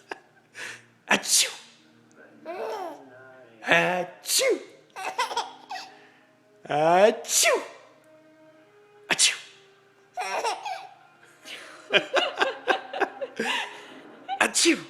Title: laughing at sneezes